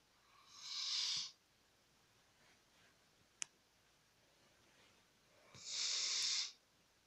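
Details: 8-year-old golden retriever–husky mix sleeping soundly in a bed: two hissing, nasal breaths about five seconds apart, soft snoring at roughly 12 breaths a minute.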